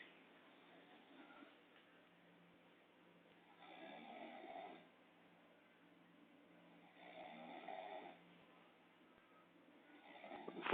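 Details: Man snoring loudly at night, recorded on a phone by friends: slow, rough snores on each breath, about three over ten seconds, with quiet pauses between; snoring.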